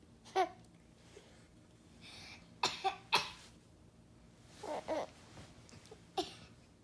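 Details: A young child gives several short, sharp coughs, singly and in a quick pair, while another child laughs between them in a quiet room.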